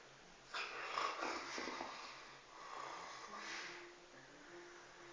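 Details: Felix, a 1-year-old rescued dog, snoring while sleeping: soft, airy, snuffling snores with a slight whistle against faint room noise.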